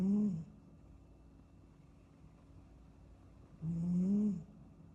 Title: 8 minutes of kitten snoozing snoring sounds